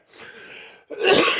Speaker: I'm sorry guys this cough is killing me not my trailer guys by the way